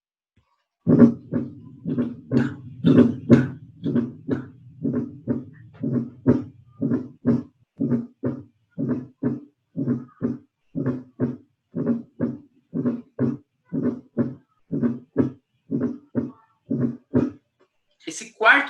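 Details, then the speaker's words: Fourth heart sound (S4 gallop), described as occurring in hypertension: steady, rapid low-pitched heart thumps with an extra soft sound just before each first heart sound. "Então, paciente hipertenso pode ter esse quarto ruído. Pode ter o quarto ruído."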